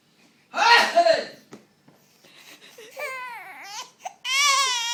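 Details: 2-month-old baby, smiling, suddenly startled by a grandparent's sneeze: a sudden loud startled burst, then whimpering building into a rising, tonal infant cry.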